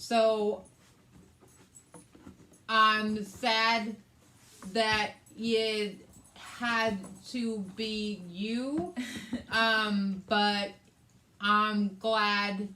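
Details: Adult woman with aphasia, also affecting reading and writing, after a hemorrhagic stroke on May 19th 2020 that needed brain surgery and ICU care and left right-sided hemiparesis; aphasia.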